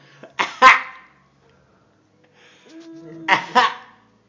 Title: funny baby coughing